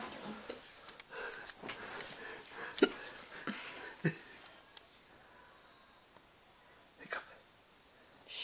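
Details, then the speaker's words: Person hiccuping at night in the dark. Several short, sharp gulping catches at irregular intervals over quiet breathing in a small room. "That one I tried to hold in. And it was sound like a burp."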